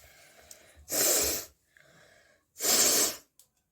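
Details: Two loud, hissing nasal bursts about two seconds apart, each preceded by a quieter intake; repeated sneezing, filmed as a nose sneezing, blowing and picking challenge.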